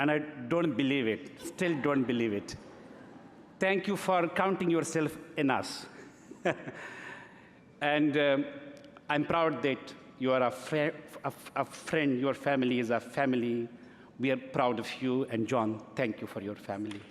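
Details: Adult man who has stuttered since early childhood, giving a gala speech about his stuttered speech; stuttering.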